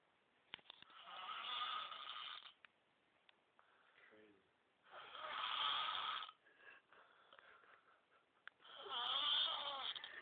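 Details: Loud, rough snores on each breath in, about 16 a minute, with quiet pauses between; a person snoring.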